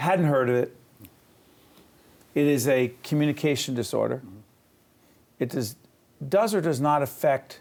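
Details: Adult speaker; plain speech.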